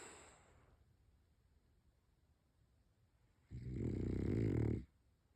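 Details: Mister Cree, a sleeping French bulldog: one loud, rattling, snorting snore after a quiet stretch.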